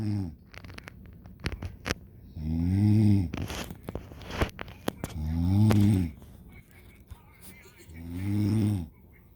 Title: I video my mom's snoring